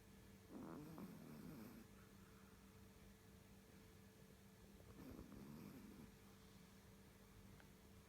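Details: Soft, rough snores about every four to five seconds over steady room hum; snoring.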